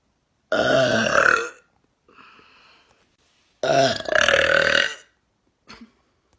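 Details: Person producing loud burps without having drunk anything: two long, rumbling burps about a second each, separated by a soft breath. Belching.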